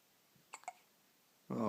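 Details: Infant hiccups: a quiet pair of quick, catching hiccup sounds in a silent room, followed by an adult voice.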